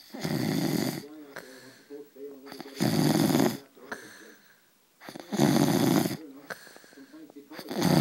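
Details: Loud, rough snores about every 2.5 seconds, each followed by quieter breathing noise; snoring.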